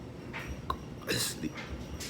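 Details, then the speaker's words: Sharp catching hiccups in quick double back-to-back pairs, with the stomach visibly jumping, over a clothes-dryer hum; persistent hiccups lasting 1 year 8 months, with acid reflux and heartburn, fatigue and poor sleep despite sleep aids. "oh what's worse is what it does these double these quick double back-to-backs"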